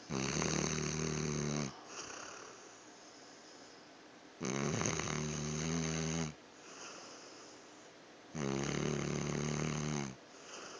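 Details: Three loud, rumbling, buzzing snores on each in-breath, about 15 breaths a minute, with quiet out-breaths, from a sleeping pet dog; loud snoring.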